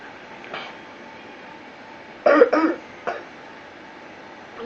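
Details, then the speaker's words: A child with clubfoot, being nebulized on March 17, 2017, gives a quick pair of short, loose coughs, then one more, over the nebulizer's steady mechanical hum. "Today is March the 17th. is being nebulized again. has been coughing."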